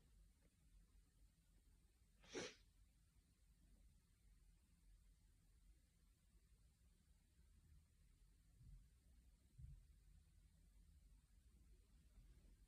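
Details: Afternoon sneezing fit from hay fever: a single sharp sneeze over quiet room noise, followed by a couple of faint sniffs.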